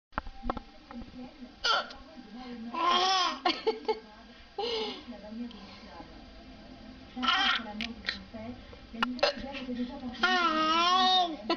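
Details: Adult woman (mother) with hiccups: short, abrupt catches in her voice mixed with laughter and a child's voice in a small room.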